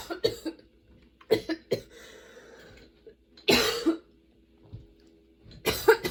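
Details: Sudden-onset, nonstop, worsening coughing fit bringing tears and frequent position changes: clusters of harsh, forceful coughs with brief throat clearing and a strained in-breath between bouts; a prolonged coughing fit.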